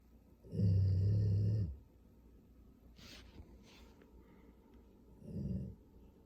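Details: A pit bull dog, asleep after playing ball, snoring: deep, loud rumbling snores about a second long with quiet breathing between them, roughly 13 a minute.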